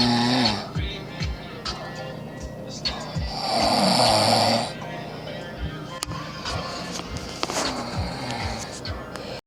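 Loud, rough snoring with a long rattling breath in the middle, mixed with music and some background talk.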